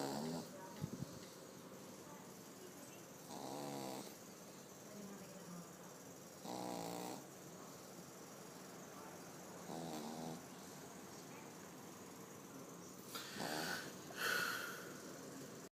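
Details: Sleeping pug puppy snoring: three to four rough, buzzing breaths roughly every three seconds over quiet room noise.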